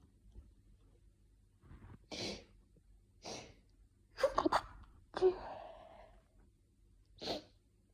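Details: Morning hay fever sneezing fit at home from pollen, in someone who says they are not sick: about five sharp, dry, itchy rapid sneezes with quick catch breaths between.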